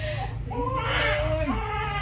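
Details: Thin, wavering wail of a newborn baby boy over room noise and adult voices, just after a normal delivery at a clinic.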